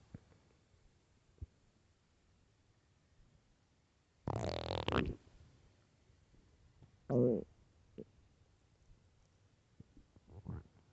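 A long, loud gurgling rumble, then a shorter growl and a few faint gurgles in a quiet room: loud stomach growling from an empty stomach.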